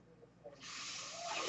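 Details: Steady airy hiss of the speaker's own mechanical ventilator delivering a breath, heard during a spoken Star Wars podcast; the speaker identifies the noise as their ventilator.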